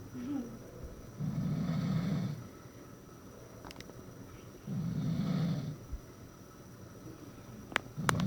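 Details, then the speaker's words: A sleeping man snores with rough, low snores on inspiration, about 17 breaths a minute, still snoring during an attempt to stop him: snoring. "deja de roncar gey no se volteó dejará de roncar no no dejó de roncar n más ronca ahora para allá"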